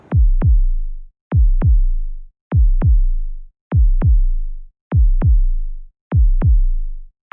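Regular paired low thumps, lub-dub, at about 50 beats a minute; clean heart sounds with no added noise.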